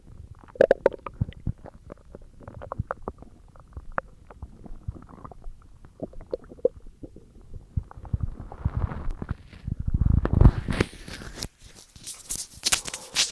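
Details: Stomach growling (borborygmi) recorded for ASMR: irregular belly gurgles, rumbles and soft pops, louder toward the end.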